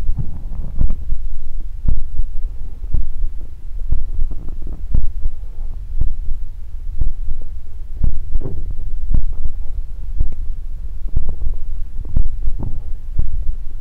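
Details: Close-miked ASMR recording of ordinary stomach growling, about 14 seconds of low rumbling and gurgling with irregular soft pops from the belly; borborygmi.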